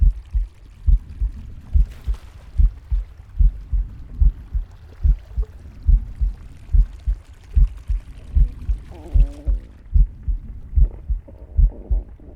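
Steady low heart thumps at about 73 a minute from a pig, with soft breath noise and gut gurgles.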